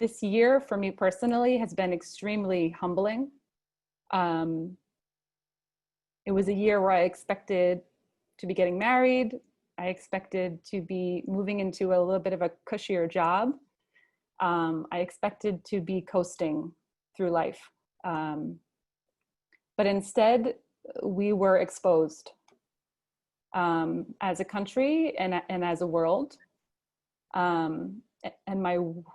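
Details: Adult female who stutters and attends a stuttering support group; real stuttering.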